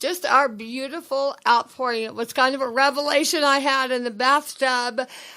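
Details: Adult woman speaking; dysarthria with dysphonia.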